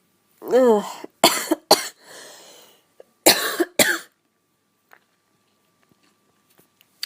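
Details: Cough from a person who feels run down and unwell, recorded alongside high-pitched sneezes and a hoarse voice.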